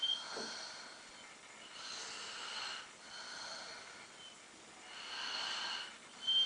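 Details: Snoring.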